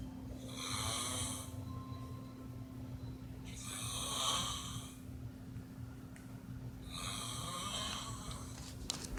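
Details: Three loud, rattling snores at roughly 18 a minute over a steady room hum; an adult man snoring during sleep.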